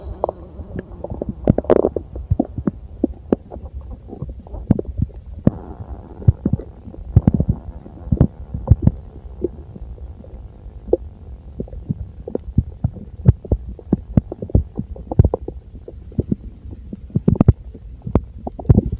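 Frequent low gurgles and sharp pops from the abdomen, ordinary active bowel sounds of a full stomach.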